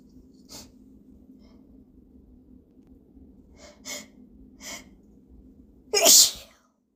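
Several quick hitching in-breaths build up to one loud, explosive sneeze; a normal sneeze.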